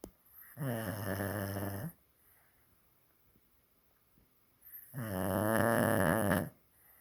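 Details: Dog snoring like a big one: two long, loud, buzzing snores with quiet pauses between them during sleep.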